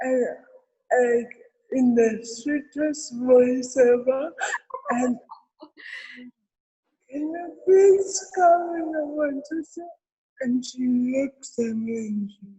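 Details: Adult woman with cerebral palsy present since birth, real speech in an interview; dysarthria (cerebral palsy).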